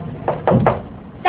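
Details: Abdominal percussion, tapping the middle finger of one hand on the middle finger of the other, gives a resonant note, indicating air beneath the hand; resonant percussion note.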